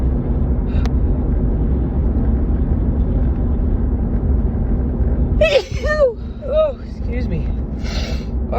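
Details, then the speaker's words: Adult female with allergic sneezing while running errands in a car; she wonders whether her nose reacts to something after a recent move. A sharp inhaled gasp, then a burst of huge, tickly, wet sneezes over steady car rumble. Allergic sneezing. "oh I can't stop sneezing today oh oh wow my nose just oh it's not tickling excuse me oh goodness"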